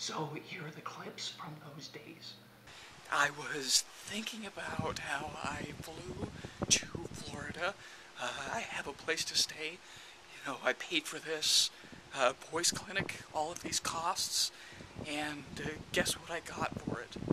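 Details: Adult man with abductor spasmodic dysphonia, recapping days three to five of a spasmodic dysphonia vocal clinic, on a day his voice was not sounding well at all.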